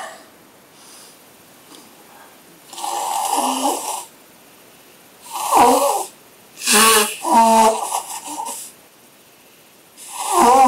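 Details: Two people, one and their girlfriend, sneezing repeatedly with loud, sharp bursts of air and blowing their noses in a small room.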